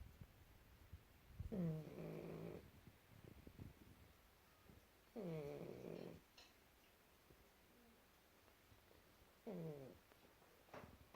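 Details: A tired, sleeping pug gives three loud, rattling, fluttering snores on slow breaths, about 16 a minute, with quiet pauses between; snoring.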